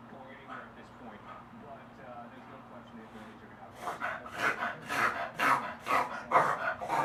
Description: My beagle Kato having one of his longer reverse sneezing episodes.